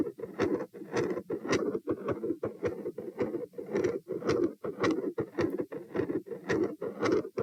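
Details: Rapid rhythmic heartbeat near 110 a minute, recorded at position P during a stress test with posture changes (lie, sit, stand, bobbing) and rates 72–114 bpm, with a rough churning continuous machinery murmur and sharp high clicks.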